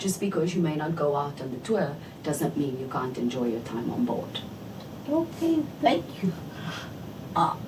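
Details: Adult woman speaking, brief reply from a second voice; typical speech.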